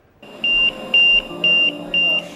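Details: A mechanical ventilator alarm for a quadriplegic man who has been ventilator-dependent for 12 years since a roofing fall: four evenly spaced high-pitched electronic beeps over a low mechanical hum.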